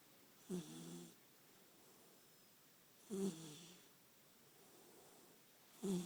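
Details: Sleeping 14-week-old chocolate Labrador puppy snoring: soft, rumbling snores about every two and a half seconds, with quiet pauses between them.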